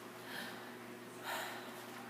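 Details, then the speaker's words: Normal breath sounds on stethoscope during a physical assessment, patient breathing in and out deeply: two soft, airy breaths, clear and symmetric, with no crackles. "Nice and clear. Symmetric."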